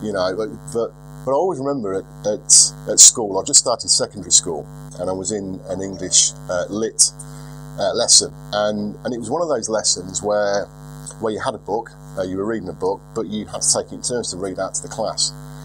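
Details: 42-year-old man who has stuttered for as long as he can remember, much improved over 4 or 5 years but still stuttering occasionally, worse under stress; unedited footage; word repetition; stuttering.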